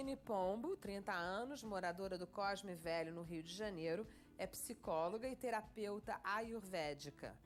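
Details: Adult woman speaking Portuguese; normal fluent speech.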